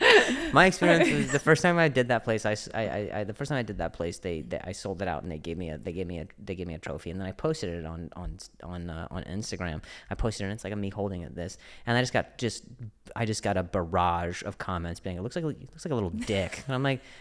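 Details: Adult male comedian with a stutter who also mentions a past injury; real, unscripted speech with word and phrase repetitions; stuttering.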